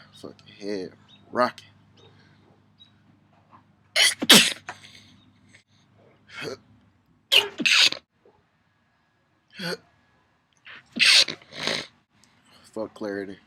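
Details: Several sharp, explosive sneezes in quick succession with brief talking between them; ordinary sneezing.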